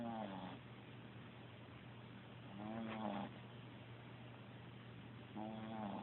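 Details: Sleeping cat: slow, regular snores, about one every two to three seconds, with a low steady hum in the room; cat snoring.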